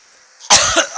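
A brief quiet pause, then one sharp, explosive adult cough that fades quickly, with another starting at the very end: a cough.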